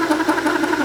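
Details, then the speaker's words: Steady mid-pitched motor drone with rhythmic pulsing from a size 50 acetabular reamer smoothing the acetabulum during hip replacement surgery, preparing for an uncemented press-fit size 50 cup. "Ahorita vamos con la número 50. Lo que vemos es que esta cubre prácticamente la circunferencia, y lo único que nos va a hacer es darle una completa circunferencia lisa a todo el acetábulo y ayudarnos en la orientación"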